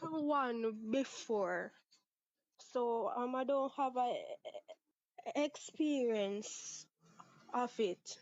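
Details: 23-year-old Jamaican woman who has stuttered (stammered) since about age six, with father and sister who also stutter and no speech therapy ever; part-word and whole-word repetitions audible; stuttering.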